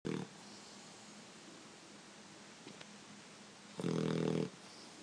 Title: Snoring Puppy